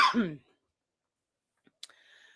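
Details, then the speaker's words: Adult sneeze: a single brief voiced burst, then near silence with a faint click and steady hum; she says her sneezes come in runs. "It was multiple sneezes. It was like four sneezes. I don't ever sneeze just one time. I have a minimum of three."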